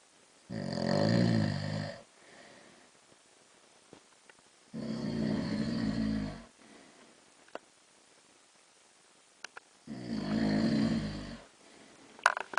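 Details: Adult man (husband) snoring during sleep at night in a dark room: loud, rough, rattling snores on three breaths about four seconds apart, with quiet gaps between.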